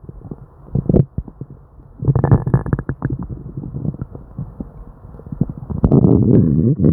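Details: Hyperactive bowel sounds from an upset stomach during diarrhea: frequent gurgling and rumbling stomach noises, almost continuous.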